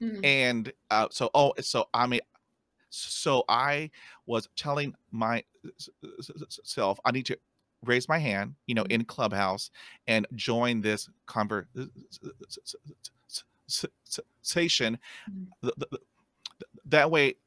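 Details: Stuttering in an adult man, with sound repetitions heard in conversational speech.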